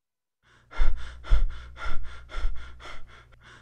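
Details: Lecture demonstration of an abnormal breathing pattern for medical students; Biot's breathing.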